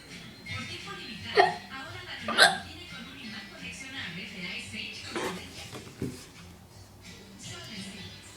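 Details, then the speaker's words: Dog with hiccups: two sharp hiccup sounds, then softer ones, with speech and music in the background; hiccups. "This is me with the hiccups. It's my dog with the hiccups."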